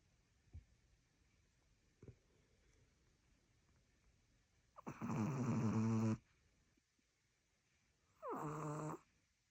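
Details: Small long-haired Chihuahua puppy asleep in a quiet room, giving loud, rattling, buzzy snores on its breaths; snoring.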